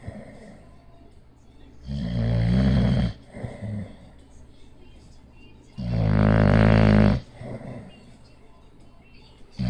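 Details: Sleeping Bulldog with loud, coarse, rumbling snores and a fluttering rattle, two long breaths heard; snoring.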